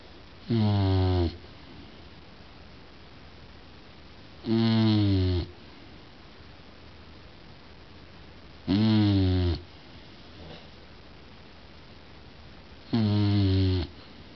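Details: Sleeping Bulldog snoring: four loud, regular, rattling snores about every four seconds, each under a second long, in a quiet room.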